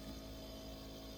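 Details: Nebulizer breathing treatment delivered inline through a ventilator circuit: steady mechanical hum and whir of the running nebulizer compressor.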